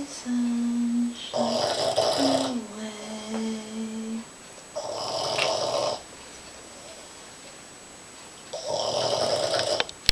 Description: Our Boston Terrier, Molly sleeps and snores.